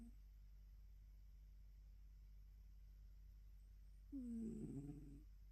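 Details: Snoring from a relaxed, sleeping female cat born around 2016, recorded in the morning: quiet room hum, then near the end a single brief, buzzy, wavering snore.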